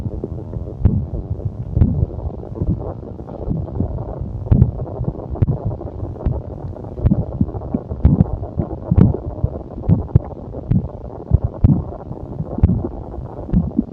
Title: the sound stomach growling versi exotic